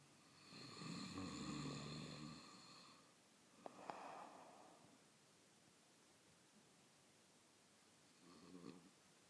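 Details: Adult husband snoring: a loud rumbling snore on one breath, a short snort, then a softer snore several seconds later.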